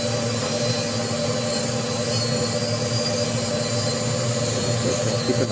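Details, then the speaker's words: Dental lab handpiece with a cutting burr cutting teeth out of a stone dental model along a curved section: continuous high-pitched whine with grinding noise. "it's not flat it's it's curved so i can't get my flat blade and make that curve so i'm going to use my old trusty cutting burr"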